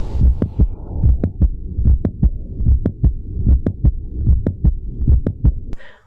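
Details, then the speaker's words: Mid-systolic click heard at the apex, usually reflecting mitral valve prolapse; regular heartbeat near 74 a minute with a sharp extra click in mid-systole. "mid-systolic clicks are heard at the apex and usually reflect mitral valve prolapse"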